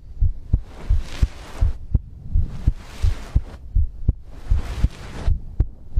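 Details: ASMR recording of the creator's own heartbeat with breathing, from a livestream compilation: low rhythmic heartbeat thumps at about 80 a minute with slow breathing sounds rising and falling behind; normal heartbeat.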